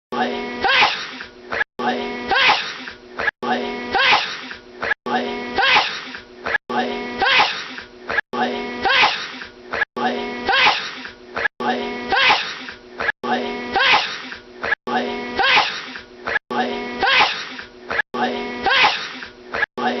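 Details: Male having a huge sneezing fit lasting about 10 minutes: loud, evenly spaced sneeze-like bursts, about 37 a minute, each with a short breath between. The exact repetition suggests a looped sound.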